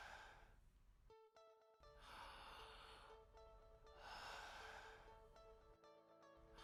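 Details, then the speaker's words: Adult man born 1993, medical student's respiratory exam, stethoscope on the chest: deep breaths in and out through the mouth. Soft, even normal vesicular breath sounds without crackles, wheeze or stridor, over background music. "thank you normal vesicular breath sounds are heard without cripples wheezing or strider"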